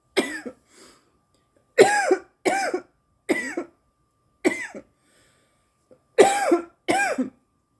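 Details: Girl coughing after inhaling too much smoke: a prolonged bout of about eight harsh, forceful coughs in quick succession, with brief pauses between them. Cough.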